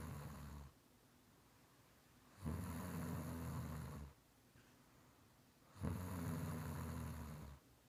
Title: Snoring I